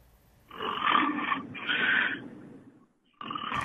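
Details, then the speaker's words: Two harsh, rattling snore breaths from a sleeping adult man, heard through a muffled telephone line during a live broadcast; ordinary sleep snoring. "Romanya Tarım Bakanı canlı yayında uykuya daldı programa telefonla bağlanan bakanın horlama sesleri stüdyodaki konukları kahkahaya boğdu"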